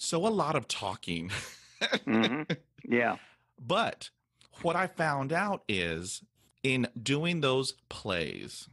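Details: Stuttering in a retired adult man who has stuttered all his life, since he first began talking in childhood in the 1950s; stuttering.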